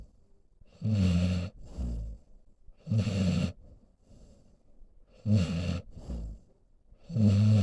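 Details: Senior pit bull mix dog sleeping beside owner: loud, rumbling snores with a softer snort on each breath, about 27 breaths a minute; ordinary snoring.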